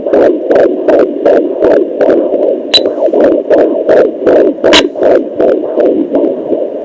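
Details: Fetal heartbeat on a home fetal Doppler at 22 weeks of pregnancy, 35-year-old mother with an anterior placenta: fast, steady whooshing pulses about 155 a minute, a normal rate.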